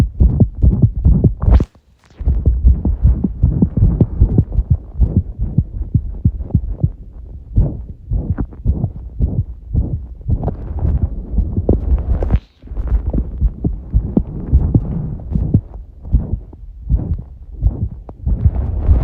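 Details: Heart sounds under pressure, tachycardia: rapid, muffled low heart thumps in quick succession, a fast heart rate.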